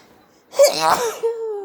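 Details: A single sharp, explosive sneeze followed by a brief voiced trailing sound, from hay fever or cold with an itchy nose; some sneezes induced, some not.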